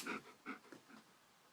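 Several quick, soft breathy puffs from a dog in a quiet room; panting.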